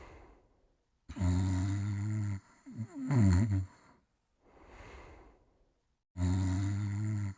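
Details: Simulated comic snoring of a sleeping character on a 1989 cartoon soundtrack: loud, low rumbling snores alternating with wheezy, whistling exhales.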